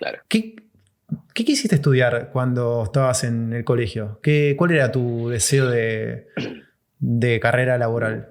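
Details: Adult male speaker; typical speech.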